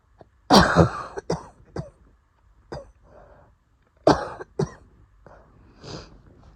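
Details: Asthma attack that started after going outside in the early morning: two bouts of harsh, hacking coughs, about six in all, with noisy, labored wheezy breaths drawn in between.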